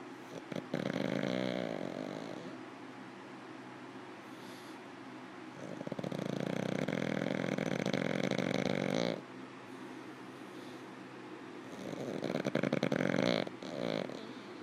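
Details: Pug Molly, asleep, gives loud rattling snores, about three long snores in fifteen seconds; snoring.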